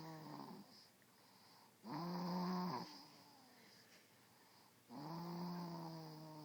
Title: Rosie Snoring